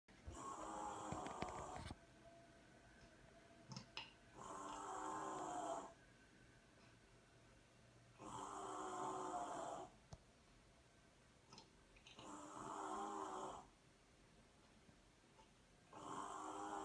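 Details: Drunk person (Sweet P) snoring: loud rattling snores about every four seconds, about 15 a minute, quiet gaps between; snoring.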